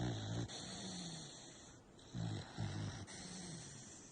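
A sleeping dog gives low, rumbling snorts and grumbling snores in an irregular rhythm.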